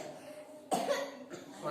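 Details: A single short, loose cough, then a brief breathy sound, from a child in a quiet room, coughing from exhaustion after playing, during a home massage therapy session for back pain.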